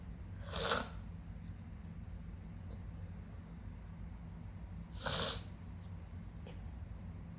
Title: Sniffly wet sneezing